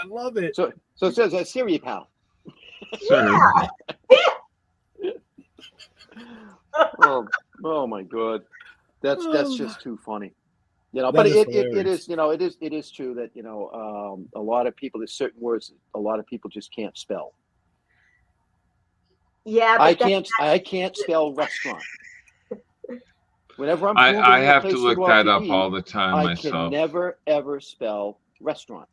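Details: Adults in conversation; conversational speech.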